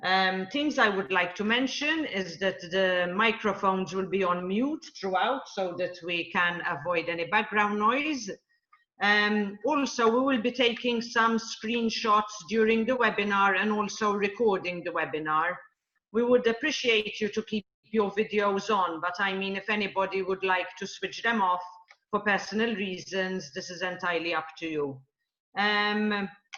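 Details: Adult woman speaking; typical speech.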